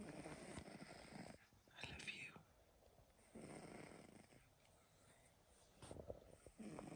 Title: sleeping and snoring pt4